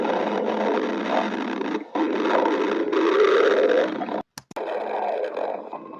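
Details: Stomach growling: continuous low rumbling with a rising gurgle partway through; borborygmi.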